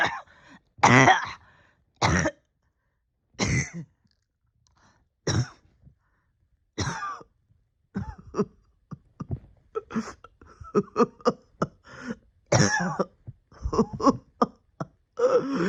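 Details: Persistent cough in a person sick since the end of the previous year, struggling with breathing for about a year: repeated harsh coughs, single at first, then rapid runs of short coughs with throat clearing.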